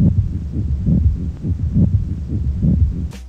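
Regular heartbeat near 70 a minute with rough, scratchy extra sounds, a pericardial friction rub.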